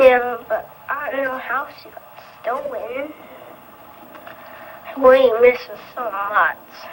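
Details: Boy about 5 years old in an old VHS news interview, with a childhood stutter he later recognized as strong. He went on to years of speech therapy until junior high: stuttering.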